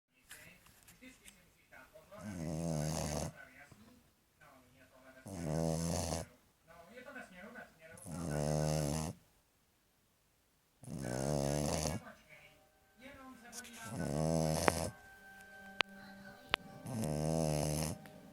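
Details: American Staffordshire Terrier puppy asleep, with deep, regular, fluttering, rattling snores about 20 a minute and quiet gaps between them; snoring.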